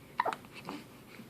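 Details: A baby boy with hiccups: a single sharp hiccup with a brief voiced catch, followed by soft vocal sounds in a quiet room; an ordinary hiccup.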